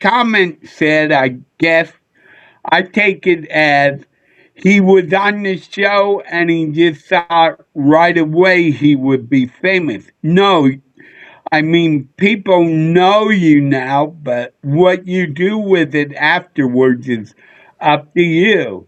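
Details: Adult male with a neurological problem; MRI showed an underdeveloped back of the brain; head hit a dashboard in a car accident when younger; slurred speech mistaken for drunkenness (dysarthria).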